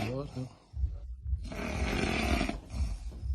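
Heavy, harsh rumbling snore with a long noisy breath, loud and coarse.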